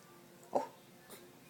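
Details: Hiccups: one short, sharp, gulping hiccup followed by a fainter second catch, over quiet room noise.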